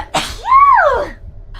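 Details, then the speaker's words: Streamer sneezing during a livestream, having been sneezing repeatedly: a sharp noisy burst followed by another person's drawn-out, rising and falling voiced call in reaction. "Thank you for the blessings, though. Here I got a Oh my god, I've been sneezing."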